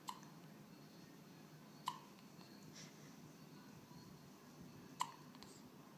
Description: Poor, she keeps getting the hiccups!